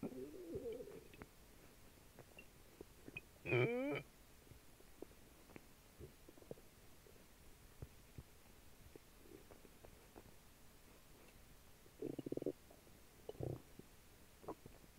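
Quiet gurgles and a few short rumbling, squeaky bursts over faint background noise; bowel sounds from an unsettled stomach.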